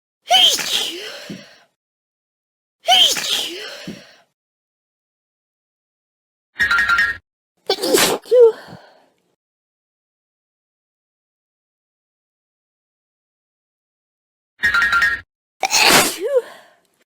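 Several sharp sneeze bursts, some with an inhaled build-up, separated by silence; ordinary sneezes.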